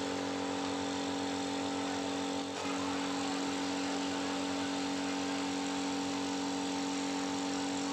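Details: Omron compressor nebulizer, being serviced because it produced no mist, under test: steady loud motor hum with a rattling buzz and hiss of airflow, running continuously.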